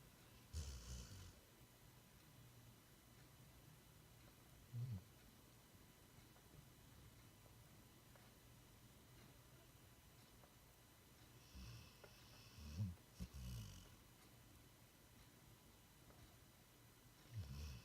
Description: Boomer had a busy few days of playing with a new friend at doggy Daycare and now he's out like a light, dreaming and snoring loud like his human dad!